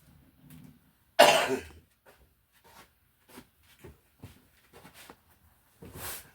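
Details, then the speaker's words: One loud, harsh cough from an adult in a quiet small room, with faint handling noises after; speaker attributes it to clearing allergies from the throat. "Sorry about that cough. Nobody wants to hear those things. But for me, unfortunately, sometimes it's a necessary evil to clear the allergies out of my throat."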